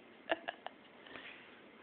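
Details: Baby girl: three quick, sharp, voiced catches in under half a second, then quiet room noise; called a sneeze ("bless you"), though the sound fits a short run of hiccups.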